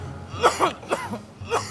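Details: Acted, simulated coughs in a comedy sitrom scene: a few short, soft coughs in quick succession over room noise, deliberately aimed at another man; the cougher is told to take medicine with lime and soy sauce.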